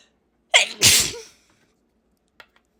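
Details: Stuffy, congested-sounding sneeze from an old recording; person possibly sick at the time: a short inward catch, then a forceful hissing burst.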